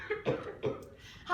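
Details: Two quick, harsh, barking cough bursts, acted as a child's croup cough.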